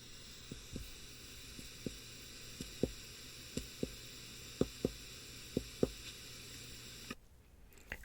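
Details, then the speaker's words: Hyperresonance to percussion, diffuse throughout the lung fields, in a teaching case with bilateral wheezes, possibly early crackles and decreased breath sounds, thought to be COPD: a series of hollow, booming taps. "that was increased or hyper resonance diffusely throughout the lung fields"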